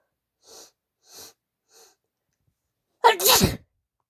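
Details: Female sneezing deliberately provoked by chikni nose tickling: three soft, breathy in-breaths build up, then one loud explosive sneeze; desperate sneeze.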